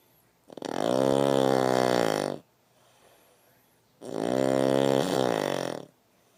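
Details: Snoring: two long, loud, rattling snores about two seconds each, separated by quiet breathing out.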